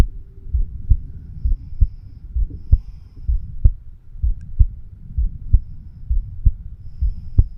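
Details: 36-year-old man recording his own heart with a homemade microphone stethoscope over the bicuspid (mitral) valve area: regular low thumps at about 65 beats a minute over a faint steady hum; normal heart sounds.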